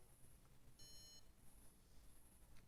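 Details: A single short beep from a bruxism alarm that monitors masseter muscle activity with electrodes, tested in bed while the wearer clenches the teeth; it vibrates and sounds when activity exceeds normal.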